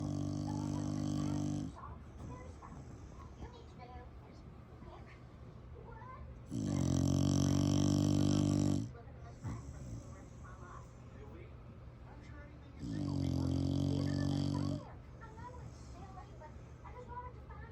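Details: Samson, a rescue dog, snoring: three loud, low, rumbling snores about every six seconds, roughly ten breaths a minute, with quiet breathing between them.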